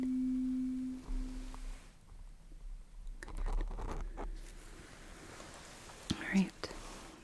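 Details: Simulated audiology roleplay: acoustic reflex testing, starting with the left ear, for a patient referred by ENT for ear pressure and some hearing loss. A brief steady pure tone from the ear probe is followed by soft handling and whispering.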